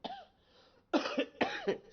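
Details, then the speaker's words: Adult who is sick with a cold, throat affected: three short, dry coughs, each with a slightly rough voiced tail. "Gonna hear a lot of coughing. I'll try to catch it, but may not be able to catch it."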